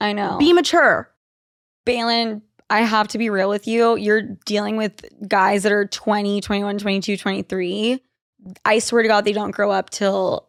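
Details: Adult woman speaking; normal speech.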